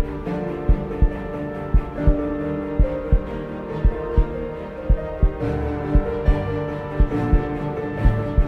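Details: Simulated heartbeat sound effect: steady, slow two-part thumps about 57 a minute under loud dramatic epic music with partly female voices.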